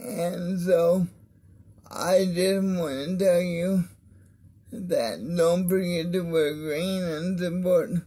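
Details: Mild dysarthria in an adult man with cerebral palsy of the spastic diplegia type, affecting his arms and legs; he attributes his different voice to it.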